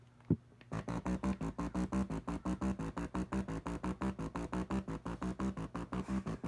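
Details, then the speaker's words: Acoustic airway clearance device (VibraLung) in vibration mode at low setting: a click, then a rapid, steady train of low, buzzy electronic tone pulses. "so as you can see the viber lung sounds like you playing a goddamn game of Dig Dug the entire time"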